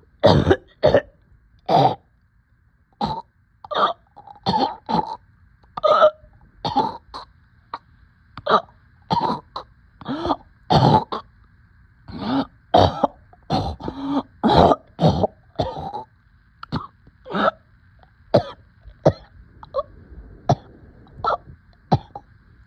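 Long run of about 40 short, harsh coughs in quick succession with little pause for breath; persistent coughing with breathlessness.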